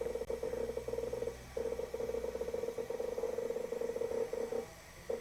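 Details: Rapid buzzing, rattling tone with brief pauses over a low hum; an intraoral dental scanner capturing frames while scanning a dental arch with alternating palatal and buccal motions.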